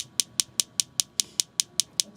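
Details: Sharp, regular clicking pulses about five per second from a focused shockwave therapy device on a man's anterior shoulder, turned up to two bars; about eight years after shoulder surgery he still has pain.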